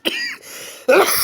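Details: Adult man coughs right at the opening of his video: two short, harsh cough bursts with a rough throat-clearing quality.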